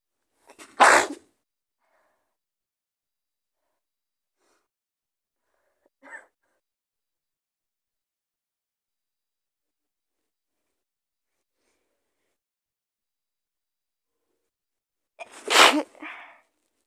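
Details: Sick person's powerful sneezes recorded up close: two forceful sneezes about fifteen seconds apart, with a faint sniff between them and silence around them.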